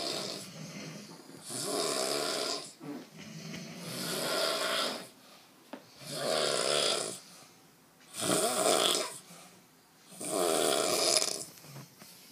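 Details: Loud rasping snores on each in-breath, about five in twelve seconds, separated by quiet exhalations; steady snoring likened to a pig being slaughtered.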